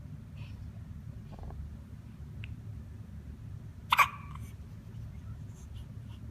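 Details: A quiet room with one sharp, sudden hiccup and a few faint throat sounds around it.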